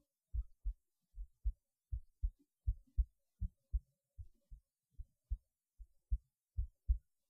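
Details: Heartbeat recorded through a cheap acoustic stethoscope; heart sounds (heartbeat).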